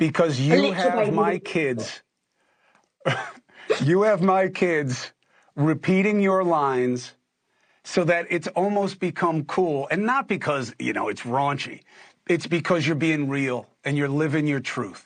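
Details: Adult man; Normal adult speech.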